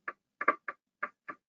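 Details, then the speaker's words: Needle EMG in a motor neuron disease assessment: sharp popping discharges, one arriving as a close pair like a split heart sound, a double (extra) discharge, which is non-specific and can be seen in normals. "you hear it as a like a split heart sound so this is basically fasciculation potentials on steroids there's the extra discharge or double discharge there it is again you can see these in normals they're non-specific"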